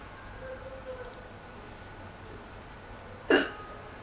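A single abrupt, short catch breaks a quiet room: a hiccup.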